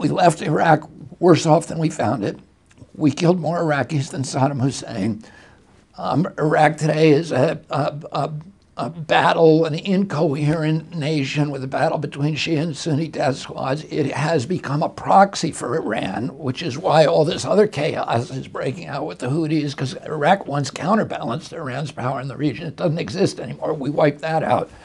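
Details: Adult male, real case, speaking in an interview: spasmodic dysphonia beginning in 1996 at age 42 after a neurological injury, attributed to the brain sending wrong signals to the vocal cords, not to the cords themselves.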